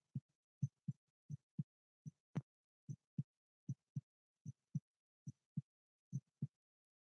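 Clear, regular paired low thumps, lub-dub, about 75 beats a minute, with silence between: a steady normal heartbeat.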